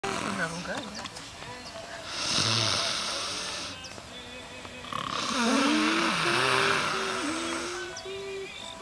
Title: Roncando Borracho!